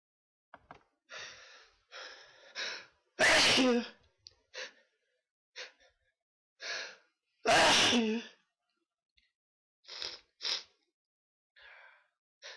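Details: Two loud, explosive sneezes, each led in by sharp inward breaths, with softer breaths and sniffs between.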